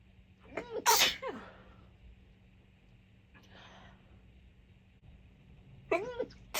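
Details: Tickly sneezes causing watering eyes: a sharp voiced sneeze with brief cry-like lead-in, a soft breath, then a second sneeze-like burst near the end; sneezing.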